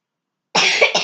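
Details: Two quick, harsh, rough, noisy coughs from a child who has had a cold.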